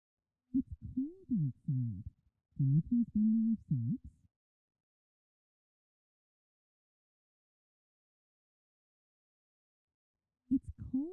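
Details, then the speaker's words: Simulation of how speech may sound to a child with severe conductive hearing loss: the sentence "Can you please bring me your socks, it's cold outside" is heavily muffled and quiet, with only deep vowels left. "the first sentence is an example of how speech may sound for a child with severe conductive hearing loss"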